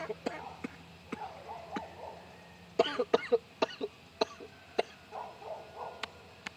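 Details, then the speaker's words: A run of short, sharp coughs with throat clearing over faint room noise: a lingering productive cough in an adult bringing up much mucus from the lungs over the past week, with a raspy voice that is now improving. "but yeah I have been coughing on on this week I have been trying I I I have been excommunicating a lot of mucus from my lungs and like I I I've just been like coughing a lot of it up this week"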